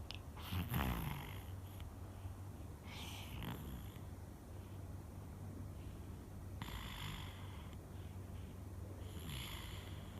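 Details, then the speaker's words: Girl snoring like her daddy: soft, low rumbling breaths in a quiet room with faint hissing inhalations, gentle snoring during sleep. "You're snoring like daddy. Are you snoring like daddy?"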